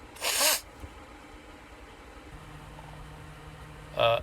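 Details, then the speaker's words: Adult sneezing after deliberately inhaling cayenne pepper, with burning eyes: one forceful, explosive sneeze, then a quiet stretch and the start of a second burst. "yeah here we go that's four all together those are powerful ones those ones because there was like eyes burning and stuff too"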